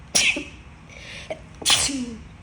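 Two sharp, explosive sneezes, each with a short sharp breath in before it.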